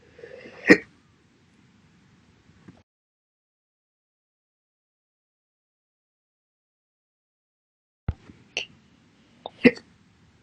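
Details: Slow hiccups after breakfast, recorded on 12/11/21 and every other day to 12/31/21: sharp, brief breath spasms separated by long pauses.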